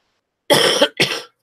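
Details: Two short, harsh cough bursts in quick succession, not wet or rattling, from an adult recovering from an illness who still has a runny nose and thinks the cough comes from it; dry cough.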